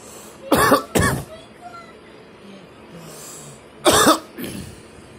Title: me coughing